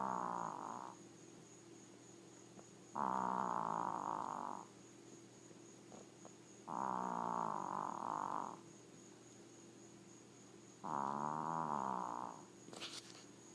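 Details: Tiny Maltese dog snoring loudly in a steady rhythm, with long buzzy rattles about 15 times a minute; snoring.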